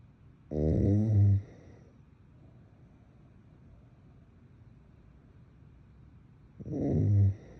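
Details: Adult woman snoring in bed, possible sleep apnea tagged: two loud, low, grunting snorts about six seconds apart, quiet breathing between.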